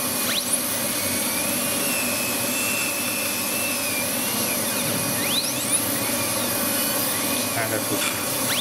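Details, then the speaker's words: Live veneer preparation of the maxillary anterior teeth in a dental student with a diastema: a dental high-speed handpiece with a depth-cutting bur gives a steady high-pitched whine with pitch swoops as it cuts shallow depth grooves in a front tooth. "so how to use this depth cutting bus so this is the tooth surface okay this is a two surface"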